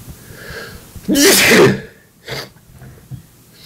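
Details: Adult male, possible cold or allergies (uncertain): one loud, forceful explosive sneeze followed by a smaller breath noise; ordinary sneeze.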